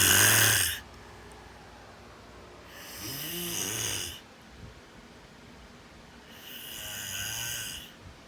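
Three slow, rasping, fluttering breaths with quiet pauses between, about eight breaths a minute: snoring during sleep.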